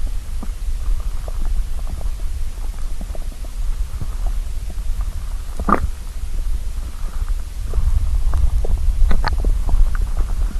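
Low, gurgling rumbles rising and falling over a steady low background, with a few sharper gurgles: bowel sounds, stomach growling from hunger.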